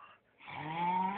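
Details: Sleeping man snoring after a brief quiet spell; a loud rough snoring breath with a steady low drone.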